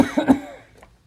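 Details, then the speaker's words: Three quick forceful coughs in a row into a peak flow meter via face mask and respiratory filter during voluntary cough testing demonstration, peak around 280 versus about 360 for a single cough; voluntary sequential cough. "that would be a single cough my cough was around 360 here if I did a sequential cough"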